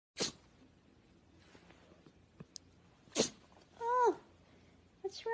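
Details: Female Corgi puppy sneezing: two sharp, hissing bursts of air followed by a short whine.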